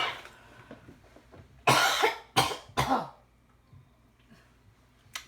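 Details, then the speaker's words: Three sharp coughs in quick succession over soft room noise, then quiet, from a speaker apologising for her poor voice and cough. "Je suis désolée pour cette vidéo et la qualité médiocre de ma voix. Et de ma toux aussi, par la même occasion."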